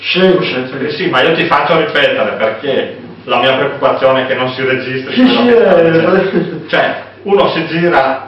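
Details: Adult male speaker (Italian); typical speech.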